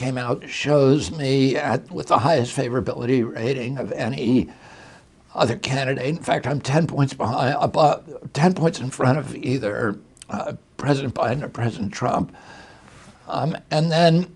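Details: Adult male with spasmodic dysphonia, attributed to a neurological injury in 1996; his voice was very strong until age 42, and he says the problem comes from his brain sending wrong signals to his vocal cords, not from the cords themselves.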